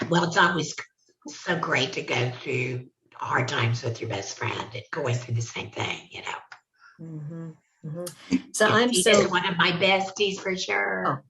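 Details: Adult laryngectomee speaking; alaryngeal speech after laryngectomy.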